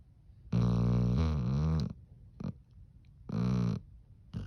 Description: This dog can really snore!